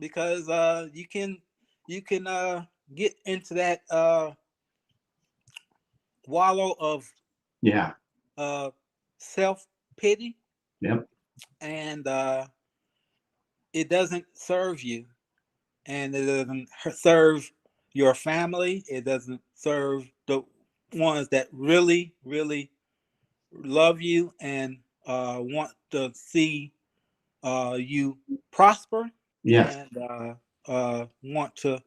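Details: 52-year-old male army veteran, about 3 years after an ischemic stroke in July 2017. He could not talk for eight months or form sentences for a year and a half, and attends an aphasia project; mild residual aphasia with word-finding hesitations.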